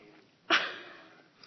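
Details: Drunk man with a bad case of hiccups: a single sudden explosive burst of air with a quick fade, consistent with one sneeze in a small room.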